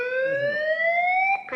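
A steady rising electronic whine from a defibrillator charging, warning everyone to stand clear before the shock.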